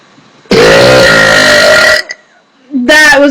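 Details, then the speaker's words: Very loud, deep-voiced burp lasting about 1.5 seconds, then the start of a second, from a young woman deliberately swallowing air to burp while drinking; she says it is not a good day for her burps. "this is not a good day for my burps but I'll continue hold on she trick is you got to swallow the air not just inhale some people say you got to inhale no you got to swallow it and then P it back up"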